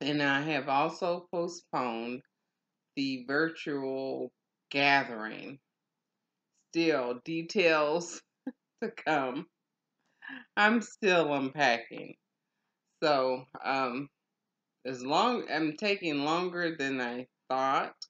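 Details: Adult woman in stroke and aphasia recovery; aphasia after stroke.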